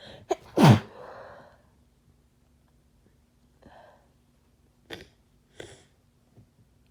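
One loud, harsh sneeze with a sharp intake before it, then softer breaths and small throat noises; sneezing with a common cold.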